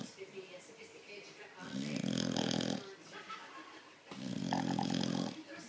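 Two long, loud, rattling snores with quieter breathing between them, from a sleeping bulldog.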